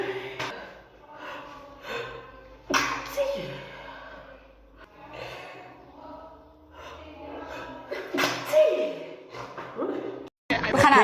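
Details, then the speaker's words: Woman sneezing repeatedly after putting perfume on: several abrupt sneeze bursts with in-breaths and gasps between them, mixed with vocal sounds; a sudden sneezing fit. "I usually see I put perfume on. That's why I was filming. All of a sudden, [snorts] the sneezes came over."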